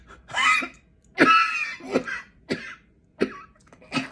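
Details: Simulated comic demonstration of a 'British way' to cough with a normal cold: a run of short, throaty coughs and throat-clearing bursts, about five in four seconds; cough.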